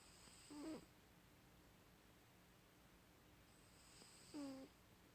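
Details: Two brief, soft, buzzing snores about four seconds apart over quiet room noise; snoring during sleep.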